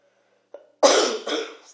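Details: A short catch of breath, then one hard cough with a weaker second burst trailing off, from a sick adult at night with sore throat and sinus congestion; persistent cough.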